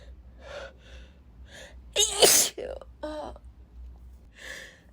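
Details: Female, sneezing repeatedly in a sudden fit she says came out of nowhere, as she normally never sneezes: a sharp intake of breath, then one loud, explosive sneeze followed by a gasp, amid soft breathing.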